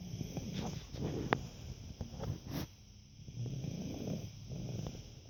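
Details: Low, rough, fluttering snoring breaths with soft snorts, repeating over a few seconds during a Saturday afternoon nap; snoring.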